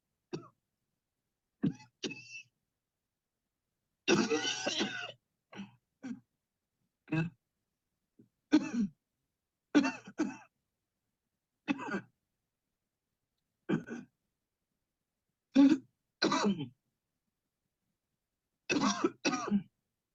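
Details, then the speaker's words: Voluntary cough by an adult client in a remote coughing-technique demonstration, coughing on command after a series of deep breaths: short spaced breathing bursts and single coughs or throat clears separated by silences. "Okay, here we go. Breathe in deep, deep, deep, deep. Cough."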